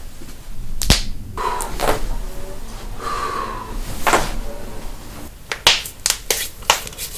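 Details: Several sharp pops and cracks over room noise: joint cavitation during manual adjustment, a normal release of gas from the joint.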